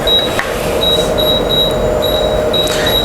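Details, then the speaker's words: Defibrillator charging during a CPR training demonstration, pads placed below right clavicle and at apex: repeated high electronic tones while the indicator blinks, ending in a full-charge ready signal; normal device operation. "Indicator है ठीक है यह indicator है blink कर रहा है जब ये फुल चार्ज होगा तो एक ब जी अब ये फुल चार्ज हो चुका है"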